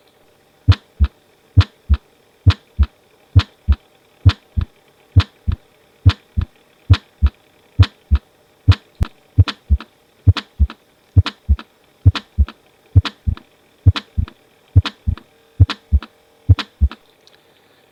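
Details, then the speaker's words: Pediatric heart sounds: regular rhythm near 67 a minute with a sharp systolic click between S1 and S2, best at the apex, moving earlier in systole on standing. "هسمع لما يبقى ستاندين هيبقى الكليك هيبدا ايرل في السيستول"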